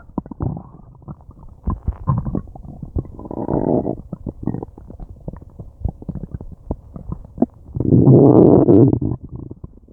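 Loud, frequent gurgling and rumbling from the abdomen with bursts of growling; active bowel sounds from digestion.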